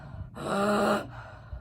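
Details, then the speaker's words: An adult imitates the stridor of croup: one harsh, high-pitched noise forcefully drawn in on a single inhale, from turbulent airflow through a narrowed airway. "this really turbulent um harsh flow of air because the airway is so narrowed you're gonna get this really forceful pulling in of air so that is strider"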